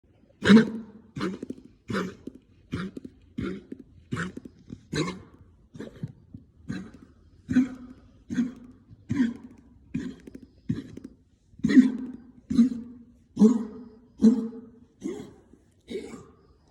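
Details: A dog gives about twenty short, harsh cough bursts in a steady run, roughly one per second: coughing.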